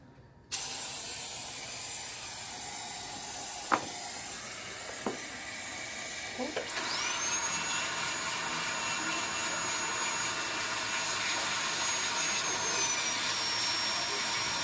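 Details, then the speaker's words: Steady high-pitched whine and hiss of a high-speed dental handpiece preparing a tooth for a composite restoration, with the mirror retracting the tongue and faint room sounds. "My mirror's going to hold my tongue, and we're going to prep."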